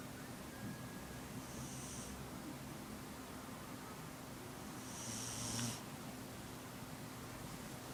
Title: 打鼻鼾 snores